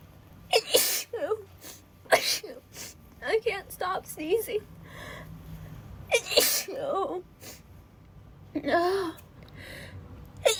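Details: Acted scene of a girl sneezing rapidly after getting cold and wet in the rain, with a mild headache: a rapid series of sharp, explosive sneezes with brief gasping breaths between.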